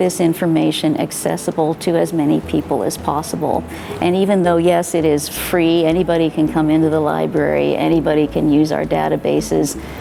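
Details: Adult woman speaking; normal speech.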